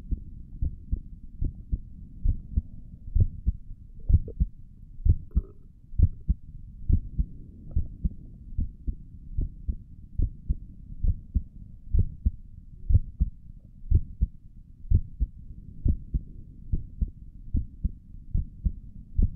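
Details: Own heartbeat recorded through a stethoscope on the chest for relaxing ASMR: steady low thumping at about 64 beats a minute with soft rustle; stomach gurgles occur in the recording; normal heart sounds.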